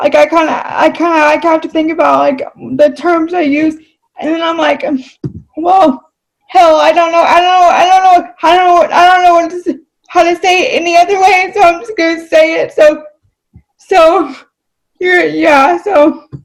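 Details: Adult woman with dysarthria due to cerebral palsy.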